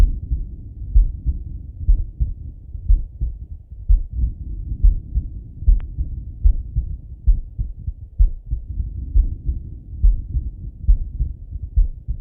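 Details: Male lying on his left side, heard through a stethoscope: deep thudding heartbeats, about 65 a minute, over a low muffled background; normal heart sounds.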